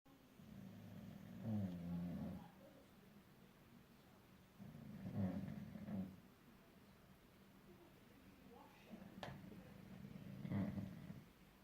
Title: Bosley our bulldog snoring